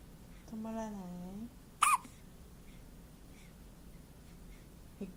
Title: 0817 hiccup